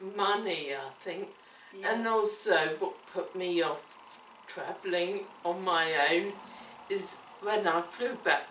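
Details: Woman with cerebellar ataxia affecting her coordination, speech and swallowing; ataxic dysarthria.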